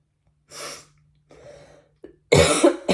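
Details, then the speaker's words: Adult woman with a mild head cold, trying to keep it at bay, not feeling too terrible: a few short, loose coughs, the last burst loudest; cough. "have a tiny tiny bit of a head quilt that I am just trying to keep at a bay I don't feel too terrible but there's a little bit of a cough"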